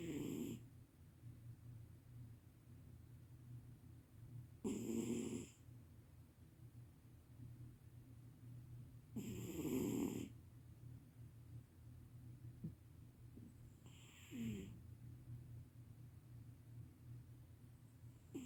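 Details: Sleeping cat snoring loudly: four rattling snores over about 18 seconds, roughly 13 breaths a minute, with quiet breathing between.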